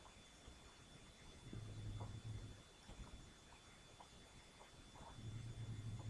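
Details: Sleeping cat snoring: soft, low rumbling snores recurring every few seconds over steady room noise.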